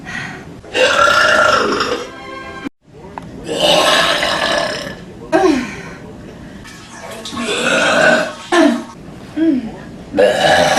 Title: Big Burps Compilation